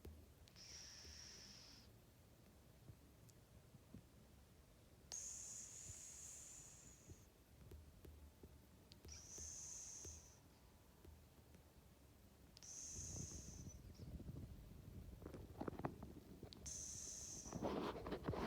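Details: A sleeping cat snoring: soft, high, whistling hisses recur about every four seconds, roughly 14 a minute, with rustling near the end.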